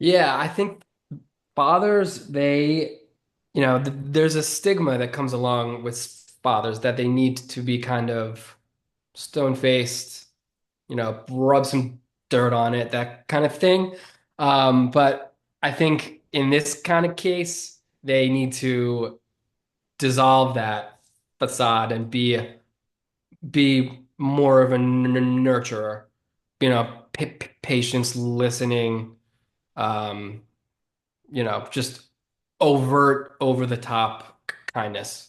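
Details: 33-year-old man with stuttering since about age seven or eight, which he considers predominantly neurological and describes as relatively normal, not severe. Stuttering.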